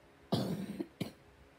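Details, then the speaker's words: Two coughs from a sick child, the first longer and harsher, the second short; the child has been vomiting a lot and is too sick for school. "Hey guys, I'm sick and I can't be able to go to school today."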